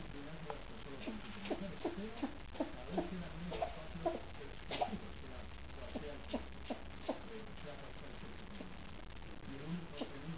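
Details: Repeated short, dry hacking coughs in a steady run from a female cat with persistent cough diagnosed by vet as asthma, not resolved despite antibiotics and inhalers.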